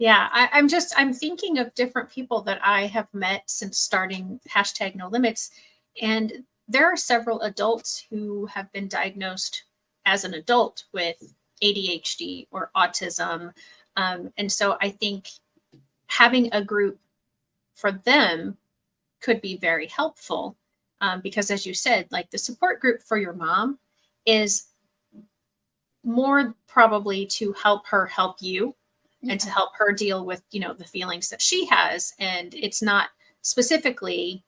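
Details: Adult woman speaking; normal speech.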